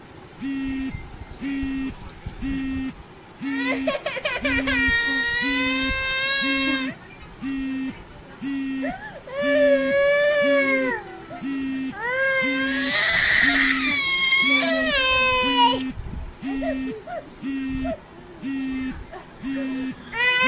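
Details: Young child crying and angry, loud rising wailing bursts over a steady repeating electronic beep.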